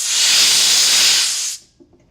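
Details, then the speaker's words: Loud steady hiss of oxygen rushing from a cylinder valve opened slightly, then much more, stopping abruptly when closed; the cylinder holds about 2,000 pounds of pressure. "if I open it slightly I'm gonna hear the air come out okay now if I open it up a lot a lot more comes out"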